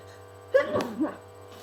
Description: Cold=bad. I had a request to sneeze into my handkerchief so......enjoy.